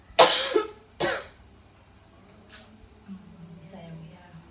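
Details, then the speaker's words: Two forceful deliberate coughs a second apart from an adult woman after a nursing student guides deep breaths in and out through the mouth; effective cough technique to clear phlegm. "Tarik nafas. Ibu bisa batukkan. Apakah bisa dibatukkan"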